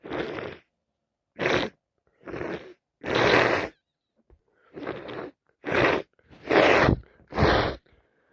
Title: Day 4 cold wet loud sneezes and blowing my nose so much